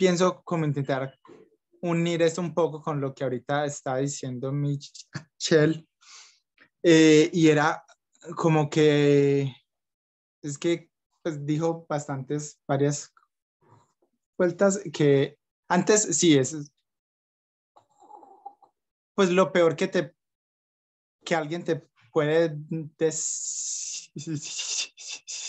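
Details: Young Colombian man who stutters, with blocks and repetitions; stuttering.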